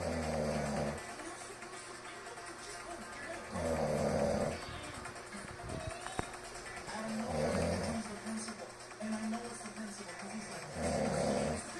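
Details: Adult sleeping after a party of heavy drinking: repeated low, buzzing snores about every three to four seconds, roughly 17 a minute, under background music; ordinary snoring.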